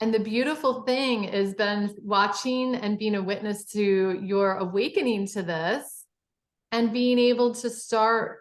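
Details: Adult woman speaking; typical speech.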